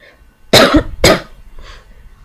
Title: cough-ty cough cough